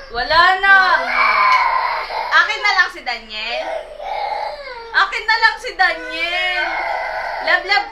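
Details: Loud, sustained infant crying with wailing rises and falls and brief catch breaths between bursts; an upset cry after a phone with a Daniel Padilla video was taken away.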